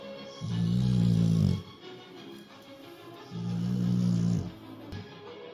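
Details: Two long, low, rattling snores about three seconds apart from a sleeping female Rottweiler, with faint opera music playing in the background: snoring.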